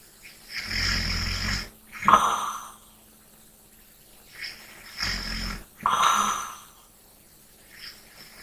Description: ASMR SNORING / LIGHT BREATHING. RELAX AND FALL ASLEEP TO THE SOUND OF SNORING.